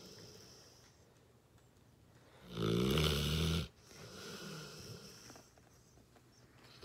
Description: It's very clear that this snoring puppy needs her sleep! Just listen!